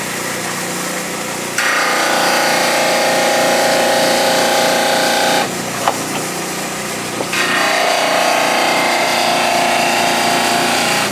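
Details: Dental lab model trimmer making the anterior cuts on a plaster study model, connecting each cuspid pencil mark to the anterior mark to form a point: loud steady grinding and whirring in two passes with a short quieter gap between.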